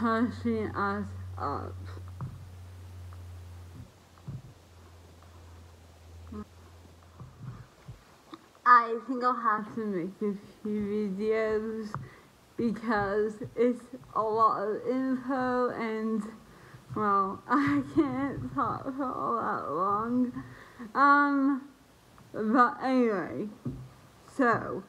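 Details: Dysarthria in a woman who lost the ability to speak properly about a year and a half earlier due to an autoimmune reaction to a virus.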